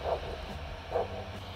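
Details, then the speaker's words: Ankle brachial index testing with a handheld Doppler: the cuff is inflated until the signal disappears, then slowly deflated, and two faint pulsing whooshes over a steady hum mark the arterial signal returning at 100. "we're going to inflate the blood pressure cuff until we no longer hear a signal we're going to gradually decrease the pressure until we hear a return"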